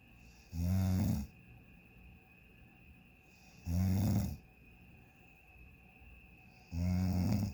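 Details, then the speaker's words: Sleeper snoring in a hotel room on vacation, continuous "freight train" snoring: three deep, rumbling snores at a steady pace, about 19 breaths a minute, quiet exhalations between, faint room hum. "No one can stop it. It's just a freight train of snoring."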